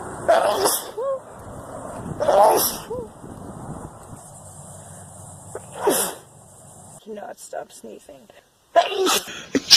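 Four sharp, explosive sneezes, each preceded by a brief inward breath, with quiet room noise between them.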